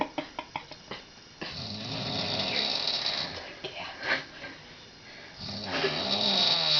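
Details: Woman in her 50s sleeping at night, recorded 11:13 p.m.: a few soft clicks, then a long, loud, rough hissing breath and a second rising snore; loud snoring.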